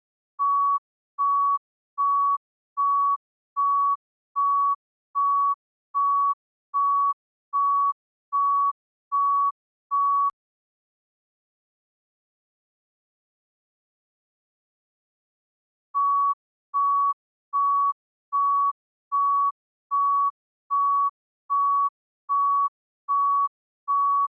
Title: heart monitor beep sound effect